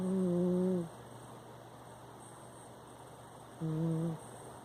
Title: snoring